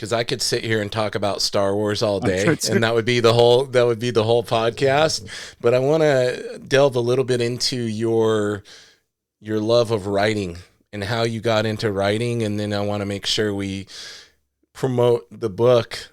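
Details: Adult man speaking; Normal conversational speech.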